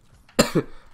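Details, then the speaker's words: A single short two-part cough in a quiet room from a sick gamer with a very sore throat, coughing repeatedly while playing: cough. "sorry i keep coughing there's literally nothing I can do about it at this point"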